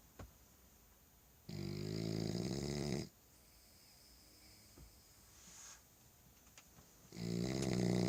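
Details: French Bulldog asleep after supper: loud rattling snores on each in-breath, separated by quiet out-breaths, with faint room noise; dog snoring.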